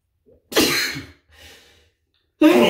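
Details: A self-induced sneeze, provoked with a nail: a brief inhale, then a loud explosive burst of air and a softer follow-on exhale, with another forceful burst starting at the end.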